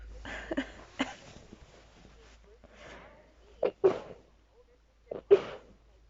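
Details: Tired person sneezing: several short, sharp bursts of breath, including two clear sneezes each preceded by a quick intake, in a quiet room.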